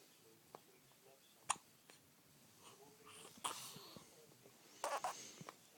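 Several brief, abrupt hiccup catches from an infant, some with a small voiced squeak, in a quiet room; typical infant hiccups.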